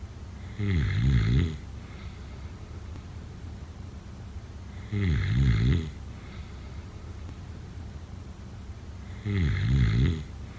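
Three rattling snores on in-breaths about four seconds apart, roughly 14 breaths a minute, with quiet breathing between; ordinary snoring.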